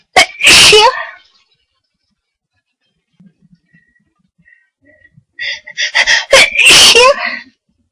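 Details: A person induces sneezes after a nose tickle all day and thinks they may have caught a cold: two loud, high-pitched sneezes, the second preceded by a breathy catching build-up.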